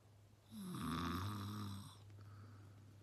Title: PATRICE EVRA'S BRO SNORING 😂😂PRANK